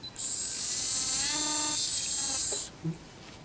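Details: High-pitched steady whine of a dental implant drill running about two and a half seconds during the final drilling step for a 4.0 mm by 11.5 mm implant, in a dental school teaching demonstration.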